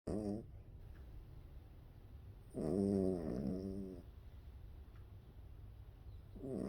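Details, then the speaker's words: Low, rumbling, buzzing breaths every few seconds over steady room noise, from a small rescue dog that recently began snoring; snoring. "you snoring is that you snoring is that Skippy snoring snippy baby that's Gippy snoring little snore little baby dog snoring what a boy"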